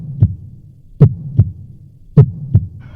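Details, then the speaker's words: Low, soft paired heartbeat thumps about 55 a minute with faint hum in a dramatized hospital scene, where a doctor says the heartbeat sound is very weak before emergency surgery; heartbeat sound effect. "Heart beat sound ரொம்ப கம்மியா இருக்கு."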